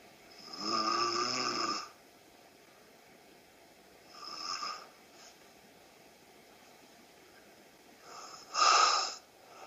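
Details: Three snoring breaths in about ten seconds, rough and buzzing on the in-breath, in a quiet room; snoring in sleep.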